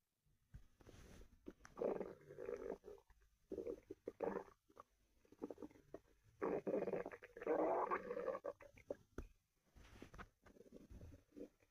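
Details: A person's stomach growling as another listens: quiet gurgling and rumbling bursts come and go over several seconds; ordinary borborygmi.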